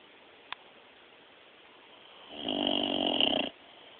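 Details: Sleeping dog snoring, recorded on a mobile phone: after a quiet stretch, one rough, rattling snore about a second long with tinny quality.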